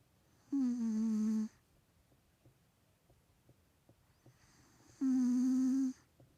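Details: Male 3-year-old Maine Coon cat with a bad nose snoring: two long, steady, tonal humming snores with quiet gaps, a whistling snore from a blocked nose.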